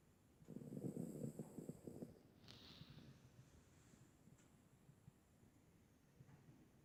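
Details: Sleeping dog (a senior rescue dog or Percy the Labrador): a short burst of rough, snorting snore, then quiet breathing with a faint nasal snuffle; snoring.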